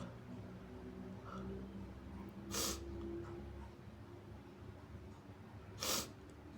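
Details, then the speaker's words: Sneezing: two muffled, forceful sneezes a few seconds apart over faint room noise, followed by nose-blowing. "Sorry. Oh, it tickles. Just sneeze. Oh, bless me."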